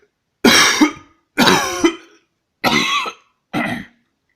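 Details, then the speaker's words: Four loud, deliberately forced single coughs in a quiet room, done as a home trick to stop hiccups. "so my solution is to force a cough like this one"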